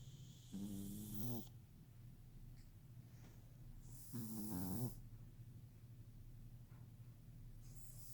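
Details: An 11-week-old snoring: two wheezy, whistling snores about three seconds apart over background hum; ordinary snoring.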